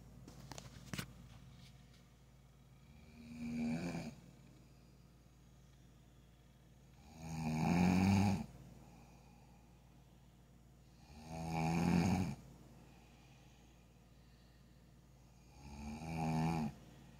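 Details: Person snoring: loud rattling snores on each breath in, about four over 17 seconds, roughly 15 a minute, with quiet pauses between; ordinary snoring.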